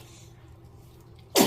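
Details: A 73-day-old baby in a half-body bath: after over a second of quiet room hum, one abrupt, sharp burst of air, a single infant sneeze.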